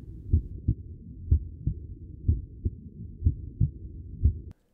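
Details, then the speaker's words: Regular paired lub-dub heart thumps at about 60 beats a minute: normal first heart sound (atrioventricular valve closure) and second heart sound. "Le premier bruit correspond à la fermeture des valves situées entre les oreillettes et les ventricules."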